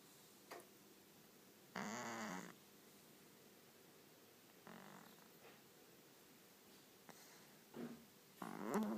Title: Cat snoring